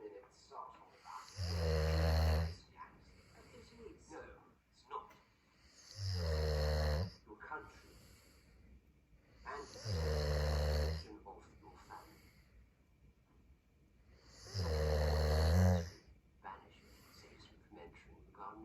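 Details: Sleeper snoring while the TV series The Crown plays: four loud, low, rumbling snores at about 13 a minute, with quieter breathing and faint room sound between.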